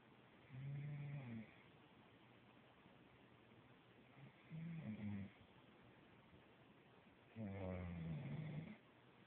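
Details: Snoring seconds after the sleeper's eyes were open, fairly quiet: three rough, voiced snores on slow in-breaths with quiet pauses, over steady low room hum.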